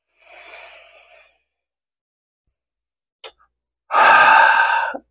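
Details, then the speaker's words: Adult using an incentive spirometer, breathing out fully then inhaling slowly to keep the ball in the middle: soft airy exhalation, a pause, then a loud steady rushing inhalation of about a second. "you want to keep the ball right here in the middle that's the exercise so basically nice slow insulation"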